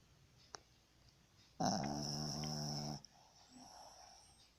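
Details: Sleeping dog snoring: one loud, rough, buzzing snore lasting over a second with quiet breathing around it; snoring.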